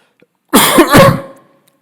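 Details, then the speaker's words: An adult male preacher with a hoarse voice who is coughing often gives a single brief cough, two closely joined throat-clearing bursts, in a small quiet room. "Minha voz está rouca tô tossindo toda hora é uma pequena tribulação"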